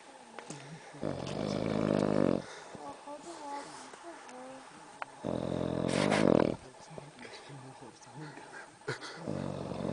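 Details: Male snoring heavily: loud, rough, buzzing snores on each in-breath, about 14 a minute, with quieter breathing between them.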